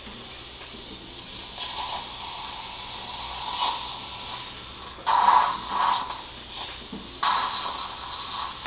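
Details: Guided (OneGuide) immediate implant placement after a crown-root fracture, with atraumatic periotome extraction and dual zone graft: continuous hissing suction with bursts of spray and mechanical noise; dental surgical suction and irrigation.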